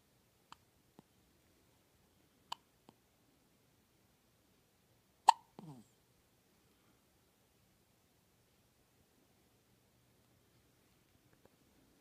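Several brief, sharp, isolated bursts at irregular intervals in a quiet room, consistent with hiccups.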